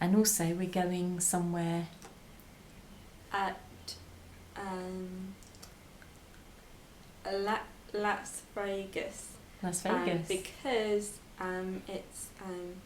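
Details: Expressive aphasia in a 22-year-old woman after a stroke at age 18, four years earlier; speech improved, reading, writing and numbers still difficult; expressive aphasia.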